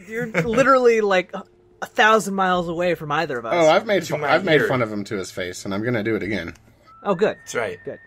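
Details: Adult speakers in casual conversation; normal conversational speech.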